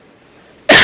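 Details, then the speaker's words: Single abrupt, loud cough from an adult man during a broadcast interview after a filibuster; he apologizes for coughing. "죄송합니다 기침을 응"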